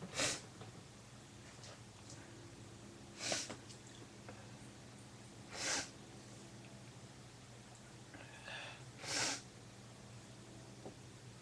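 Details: Four sneezes, a few seconds apart, over steady background hum; webcam recording.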